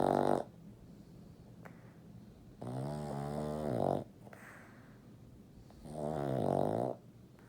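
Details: A sleeping, dreaming Boston Terrier makes three loud, buzzing, slightly tonal snores about three seconds apart, with quiet breathing between: snoring.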